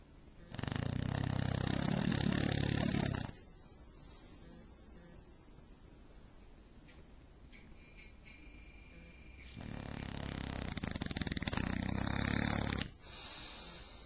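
Two long, loud, rattling snores with quiet breathing between them, the heavy snoring typical of a flat-faced dog.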